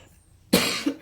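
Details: Single short, harsh cough burst from an adult in a quiet room, who is unwell and recovering from flu while giving a tarot reading; cough.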